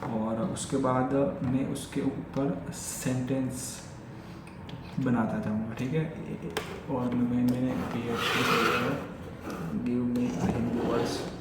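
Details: Adult male with stammering since childhood, speaking spontaneously in Hindi during a daily stammering-practice session (day 45); repetitions of words and phrases; stuttering.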